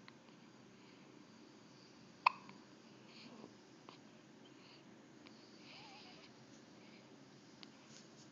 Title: Hiccups :) (& first video)